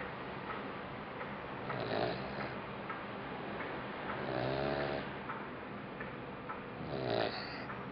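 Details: Labrador puppy about 2.5 months old, sleeping: regular fluttering snores about 24 per minute against steady background hiss; puppy snoring.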